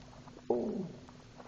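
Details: Stomach growling (borborygmi) from a 16-year-old female: a single gurgling stomach rumble that slides downward in pitch and fades over about half a second.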